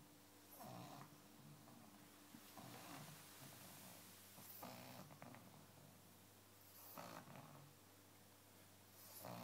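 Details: Sleeping dog snoring in soft, noisy bursts about every two seconds over a steady electrical hum.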